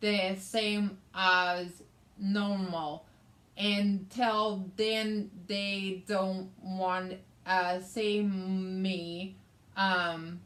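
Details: Adult woman with aphasia, which also affects her reading and writing, after a hemorrhagic stroke in May 2020 that required brain surgery and left right-sided hemiparesis; aphasia.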